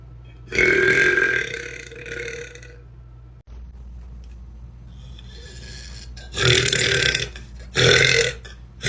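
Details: Tattooed young woman giving three loud, drawn-out deep belches, the first long and rumbling, the last two shorter and forceful: burping.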